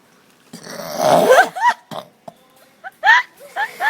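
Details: A long, rough, gurgling burp followed by several short voiced sounds in a quiet room, burping again: eructation.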